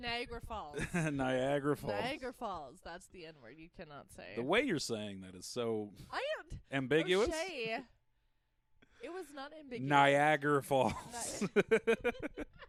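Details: Adult speaker; no speech disorder.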